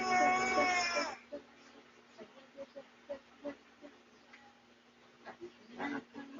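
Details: Baby boy woken by a sneeze: a loud wailing cry breaks off into a run of short, soft whimpering sobs, an infant cry.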